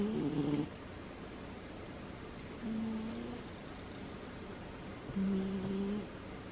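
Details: A sleeping female cat gives three low, buzzy, slightly tonal snores, one every few seconds (about 23 a minute), with quiet pauses between; snoring.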